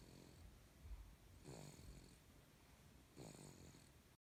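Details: Baby snoring: low, rough, fairly quiet snoring sounds on two breaths about two seconds apart.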